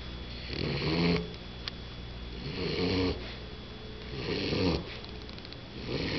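Steady snuffling snores in a regular rhythm, about 35 breaths a minute, louder on each breath: snoring in a sleeping puppy.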